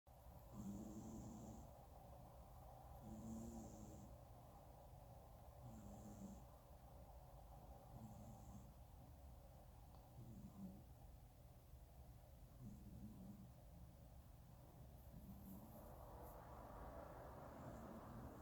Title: Snoring kitty